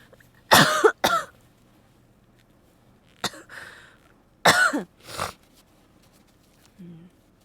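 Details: About five harsh coughs in short pairs separated by quiet pauses, from a Korean-speaking streamer with a cold and sore throat who says it is probably not COVID; cough due to a cold.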